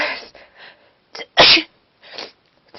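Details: Person with a cold sneezing while trying to talk: several sharp, explosive sneezes in quick succession with brief breathy intakes between them; repeated sneezing with a head cold.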